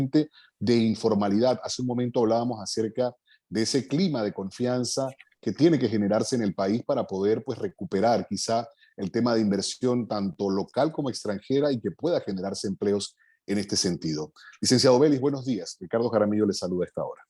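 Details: Adult male speaker; normal voice.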